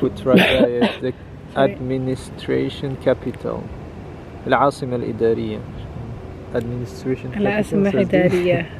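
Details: Adult man speaking; normal voice.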